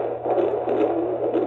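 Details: Fast, rhythmic whooshing pulses from a Doppler probe, a normal fetal heartbeat in the second trimester of a fourth pregnancy, recorded at a prenatal visit where everything was measuring fine.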